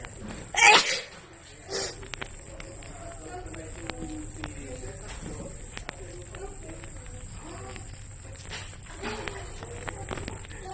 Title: Wide Nose Sneezes Philippines.